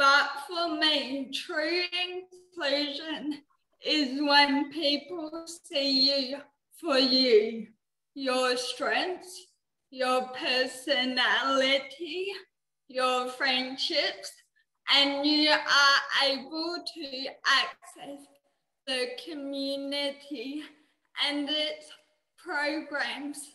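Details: 19-year-old woman with cerebral palsy, which she says affects her mouth muscles and speech; she could not walk or talk until age eight; dysarthria (cerebral palsy).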